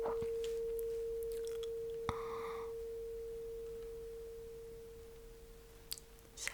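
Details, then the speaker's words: Simulated ASMR cranial nerve exam, tuning fork placed on the bone behind the ear in a hearing test: a pure, steady hum slowly fading over several seconds, with faint taps. "So I'm gonna use this tuning fork and I'm gonna put it right behind your ear on that bone. You can feel it. So you will have to tell me when the sound is gone."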